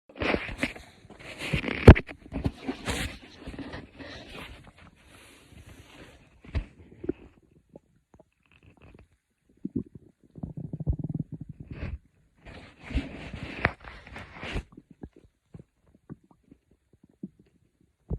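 Soft low gurgles and rumbles come in irregular bursts with quiet gaps: ordinary stomach growling from gas and fluid moving through the gut.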